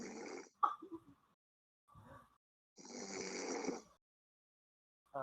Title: "SNORING WITH"